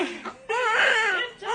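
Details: A brief, high-pitched wavering cry with gentle room sounds from a newborn girl just delivered at a home birth, the mother's fifth child; newborn cry.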